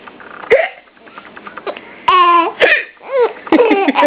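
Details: Three abrupt hiccup clicks in about four seconds, each with a short voiced catch, amid a baby boy's whiny and laughing sounds as he and his parent both have hiccups; hiccups.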